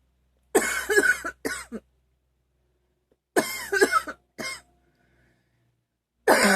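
Bursts of repeated coughing in three clusters, each with two or three harsh coughs, separated by quiet pauses.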